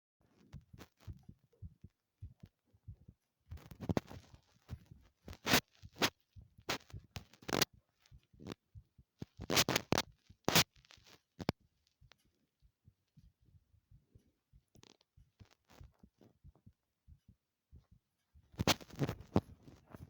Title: heartbeat sounds while jumping